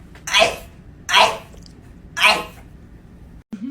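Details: Real human sneezes: three loud, hissy sneeze bursts about a second apart, each a sharp explosive release of air, in a quiet room.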